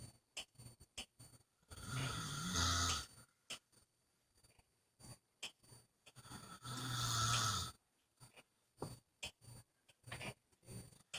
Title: He says he doesn't snore!